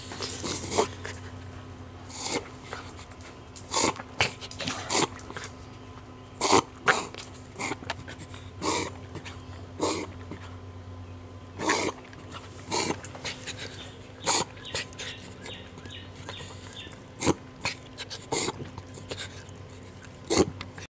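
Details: Dog making repeated sharp snorting breaths every second or two for minutes; owner unsure whether it is dog asthma or reverse sneezing (suspected reverse sneezing).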